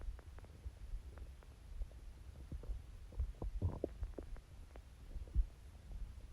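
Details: Watery stomach growls, quieter than usual for this person: soft, low watery gurgles and rumbles with scattered bubbling pops from the abdomen; ordinary borborygmi.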